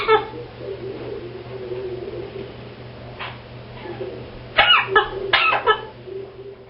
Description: African grey parrot coughing